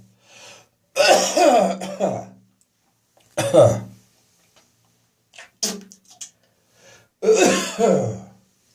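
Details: An adult's winter-morning catarrh: three loud, harsh, wet coughing and throat-clearing bouts. This is a productive catarrhal cough with throat clearing.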